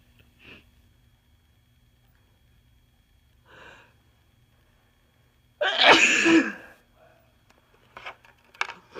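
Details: Person with a cold: soft congested nasal snorts, then one loud explosive sneeze and a few short snuffles; sneeze.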